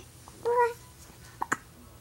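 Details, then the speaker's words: Baby with hiccups: a short infant vocal sound, then two quick, sharp catches in the throat. "You got the hiccups. It's totally gonna kill your happy mood, huh?"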